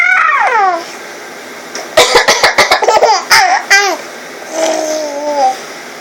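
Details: Adult mother gives a rapid run of about six short, harsh coughs while an infant squeals and giggles before and after; repeated coughing.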